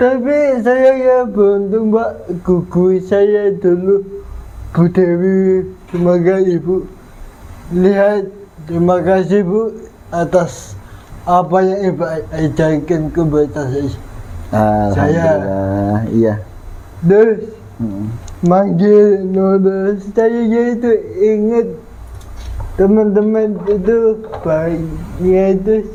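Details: 22-year-old man with cerebral palsy (physical disability); dysarthria (cerebral palsy).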